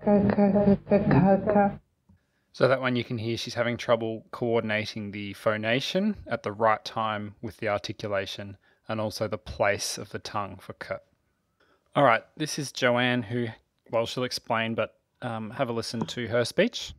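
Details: Adult male narrator; typical speech.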